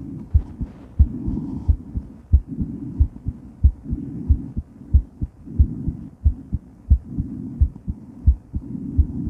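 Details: Woman's heart recorded while moving during and after weight training: strong, fast heartbeat about 92 a minute with rushing movement and heavy breath noise behind it; a pounding heart after exercise.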